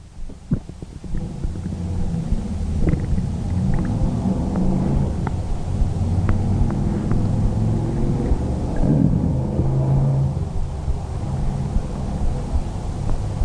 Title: stomach growling 11